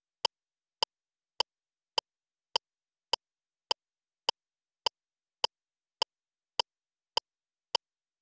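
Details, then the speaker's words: LIFEPAK CR2 defibrillator in adult mode, after a shock was delivered: sharp, evenly spaced metronome clicks at about 103 a minute pacing chest compressions, with the heel of one hand mid-chest, pushing at least 5 cm, alternating with two rescue breaths. "ge bröstkompressioner följ takten ena handloven ska vara mitt på bröstet den andra placeras ovanpå"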